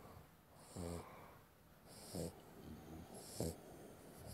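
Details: Puppy, the runt of the litter, snoring in sleep: three short, buzzing, snorty breaths about a second and a half apart.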